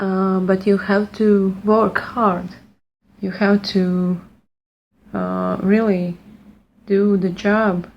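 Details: Stuttering since childhood in an adult woman speaking English, not her first language, after a fluency speech program; repeated restarts of a phrase.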